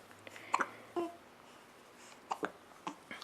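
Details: A 5-week-3-day-old baby girl gives several short, abrupt voiced catches at irregular intervals, with quiet room sound between them: infant hiccups.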